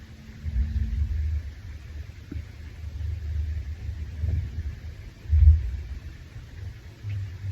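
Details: Hungry adult male after a shower: continuous low rumbling and gurgling that swells and fades, with a louder surge midway. Stomach growling (borborygmi).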